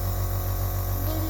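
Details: Nebulizer compressor for babies running: loud steady low hum with a fast throbbing pulse.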